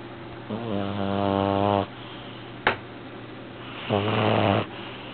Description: My Devon Rex, Arnie, snores when he sleeps...loudly. With his eyes open (creepy).